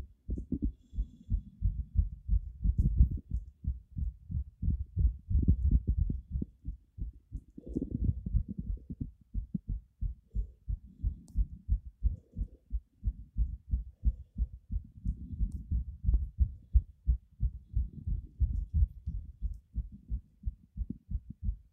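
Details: Rapid heartbeat at about 190 bpm, old 2019 recording; fast, steady low heart thumps, tachycardia.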